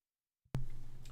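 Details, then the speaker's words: Adult deliberately does one quick cough to clear a failing voice during a live stream: a single abrupt, muffled cough burst after silence; voluntary cough. "Just going to do a cough quickly."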